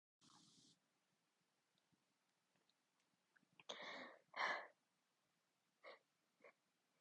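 A run of half-stifled sneezes: two stronger muffled bursts followed by two smaller suppressed ones, with quiet breaths between.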